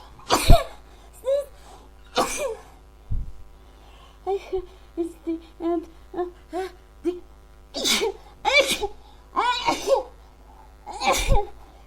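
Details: Huge repeated sneezing fit with short voiced gasps and exclamations between sneezes; the person is unsure whether it is a cold or allergies.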